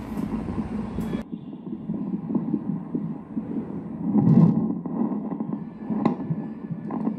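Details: Rapid, rhythmic whooshing pulses of a fetal heartbeat picked up by a handheld Doppler during pregnancy, with static, in a sound check comparing analog and digital fetal Doppler monitors.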